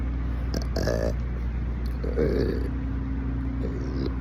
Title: A symphony of BURPS🫧🎼 on repeat play on loop #burps #burping #tbkburps